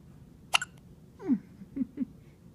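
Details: Two-day-old newborn with hiccups: one sharp, abrupt catch in the breath, then a few short squeaky voiced sounds over soft room noise; hiccups.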